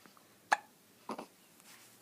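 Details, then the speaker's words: Infant's brief sharp hiccup then a short double catch of breath in a quiet room; baby had vomited earlier that day; hiccups. "he threw up on his first one peed and threw up on a second one and now we're on the third one but now he has the hicup since it's really cute"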